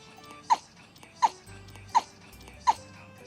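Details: Newborn baby hiccups: four brief, sharp little gasps at an even pace, about 80 a minute, in a quiet room; infant hiccups.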